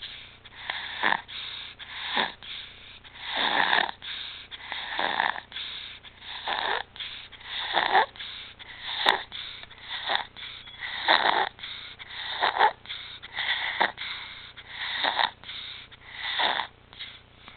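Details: Infant with recurrent apnea, stridor and retractions, back on apnea and pulse-oximetry monitors after two good months; harsh, high-pitched noisy breathing about 44 breaths a minute: stridor.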